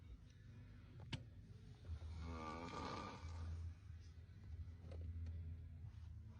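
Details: Sleeping man snoring: low rattling snores, with a second person mocking and mimicking the snore in between.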